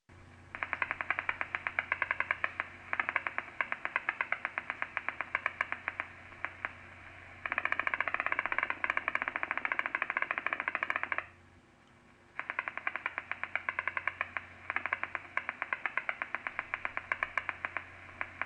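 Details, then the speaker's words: Single-fiber EMG with abnormally increased jitter (MCD 40 µs, mean interpotential interval 1452 µs) and blocking: rapid crackling clicks that change in sound as the second potential varies and drops out. "in this recording the change in EMG sound and the visible jitter in the second potential were very obvious this amount of variation in sound indicates abnormally increased jitter"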